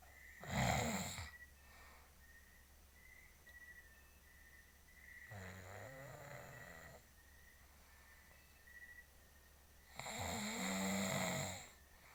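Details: A husband snoring while sleeping: loud rattling snores on inhalation roughly every five seconds, with a faint steady background tone.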